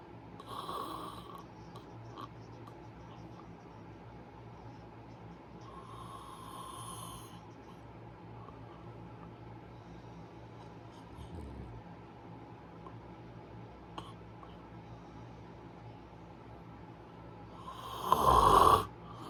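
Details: Snoring: a few irregular snoring breaths over a quiet, humming room, the last one louder and harsher.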